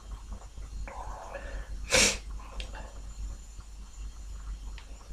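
One sharp sneeze between soft sniffling breaths, over steady low room rumble; a single sneeze.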